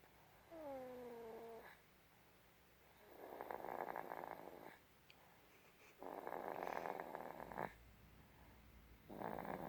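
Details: A short vocal sound, then soft, rasping snores about every three seconds; snoring.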